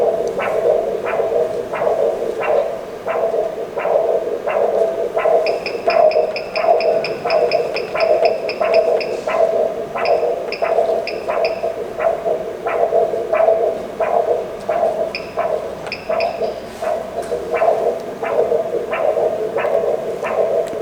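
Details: Pulsed Doppler ultrasound of the carotid artery, linear probe, patient supine; rhythmic whooshing pulses at about 88 a minute with steady hum and occasional beeps: normal carotid Doppler flow signal.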